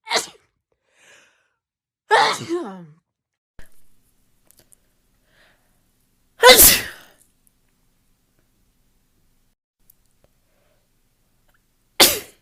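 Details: Woman's rapid sneezes, compilation: four sharp sneezes separated by quiet pauses, some with a brief in-breath before them.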